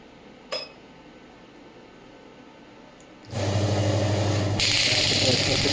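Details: Quiet start, then a loud steady rapid buzzing rattle that grows harsher: a Biotronix pneumatic radial shockwave (ESWT) device demonstrated on the hand at low intensity, then run off the hand at raised intensity.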